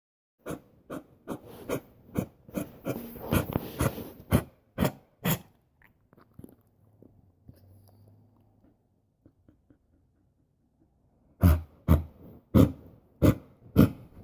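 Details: Dog coughing in two rapid runs of short, harsh bursts separated by a quiet pause.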